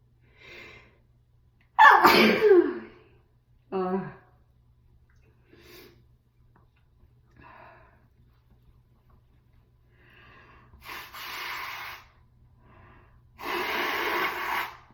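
A forceful sneeze and a smaller follow-up burst, then sniffing and two long rushing blows of the nose.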